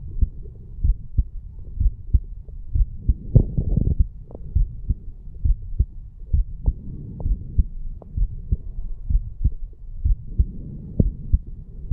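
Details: 34-year-old male, heart recorded by stethoscope at the mitral (bicuspid) valve area after farmer's walk exercise: regular, strong, low-pitched lub-dub beats with faint background hum, normal heart sounds.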